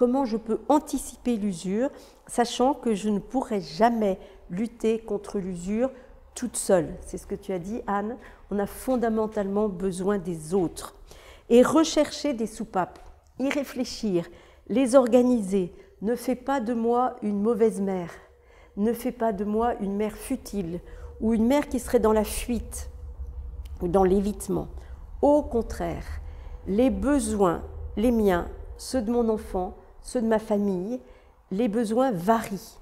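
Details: Adult woman speaking French; typical speech.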